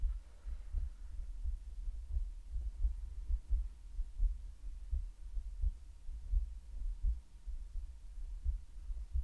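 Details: Steady low heartbeat thumps at about 86 a minute with a faint hum behind them, the presenter's own heartbeat in a relaxing ASMR medical roleplay with breathing sounds; normal heartbeat.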